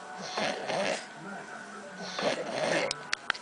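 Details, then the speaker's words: Man snoring while asleep, recorded by his girlfriend at night: harsh, rough, sputtering snores over two breaths, like a lawnmower trying but failing to start, then a few sharp clicks; loud snoring. "so tonight rich is snoring it sounds like a lawnmower that's like trying to start but it can't"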